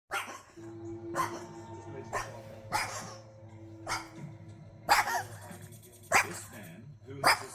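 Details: 12-year-old male Burmese cat with end-stage congestive heart failure from mitral and tricuspid valve disease, enlarged heart and pleural effusion; owner believes cough relates to enlarged heart: about eight harsh hacking coughs in a row, coughing fit.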